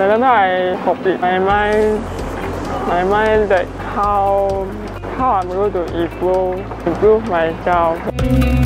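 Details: 31-year-old woman with cerebral palsy causing difficulty expressing herself and an unsteady gait; dysarthria.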